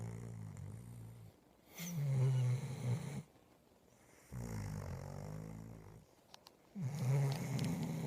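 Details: Deep, rumbling snores on both the breath in and the breath out, with short quiet pauses between them; snoring during sleep.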